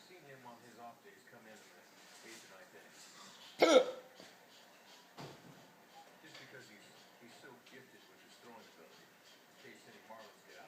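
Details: Adult man: a sharp, abrupt burst against quiet voice and room sounds, then a second softer catch: hiccups.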